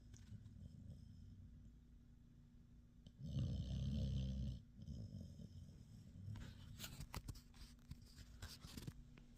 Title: Snoring Puppy